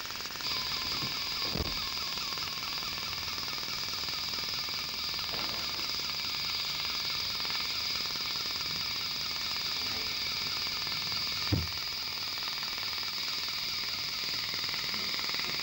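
Steady high-pitched hiss with rapid crackling pulses and a few soft thumps from a dental laser cutting tooth.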